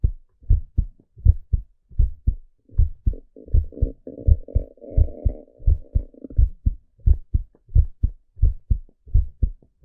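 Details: Steady paired lub-dub thumps at about 85 beats a minute, with a brief low hum midway, from a male heartbeat recording; normal heartbeat.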